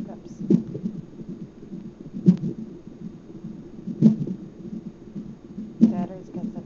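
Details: Fetal hiccups recorded on a hospital monitor while the mother was checked for stomach pain: regular soft thumps about every two seconds, roughly 34 a minute, over monitor hiss.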